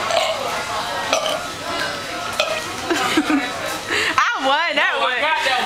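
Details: Burp contest: a drawn-out, wavering voiced belch near the end, after background talk and noise; burping.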